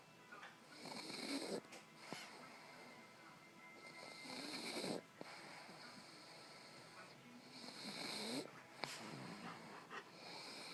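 Slow, rough snoring breaths at about 18 a minute, with steady hissy background noise.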